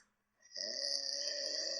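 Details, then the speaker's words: Adult man snoring, recorded by his partner after a heavy night; he cannot breathe through his nose when lying down and suspects he may need an operation: a loud, harsh, rattling snore on an in-breath after a brief pause. "So, this is the video Laura sent me of me snoring."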